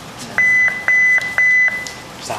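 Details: Defibrillator unit during a user pretest for preventive maintenance, charging to 150 joules on battery with AC disconnected; charge took about 5 seconds, considered OK: charge-ready tones.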